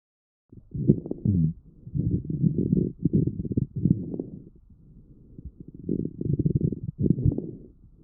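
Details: Child's lungs recorded with StethoMe electronic stethoscope, AI-classified: low, bubbling, gurgling coarse crackles through the breaths, pathological sounds characteristic of bronchitis and pneumonia.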